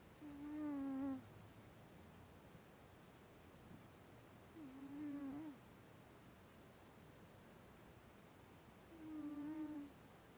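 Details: Cat (Jack) snoring: three tonal, humming snores about four seconds apart, roughly 14 breaths a minute; snoring.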